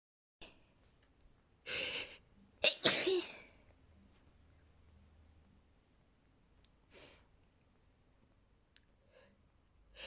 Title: sneezing with buildups!